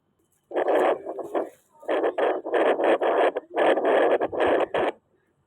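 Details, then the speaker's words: Pocket fetal Doppler used manually on an adult at rest, picking up the adult's own heartbeat as rapid, rhythmic whooshing pulses. "तो जैसे कि आप देख रहे हैं यह हार्ट की आवाज जो अभी कर रहा तो य हर्ट की आवाज है"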